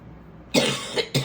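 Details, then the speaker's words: Two loud, harsh coughs in a quiet room from an adult woman coughing while talking: cough. "excuse me I might cough every now and then sorry"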